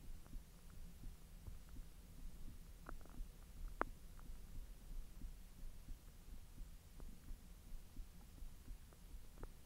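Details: Bowel sounds recorded after eating hotdogs following 10 hours with a completely empty stomach: low rumbling with scattered gurgles and short squeaks from the belly during digestion.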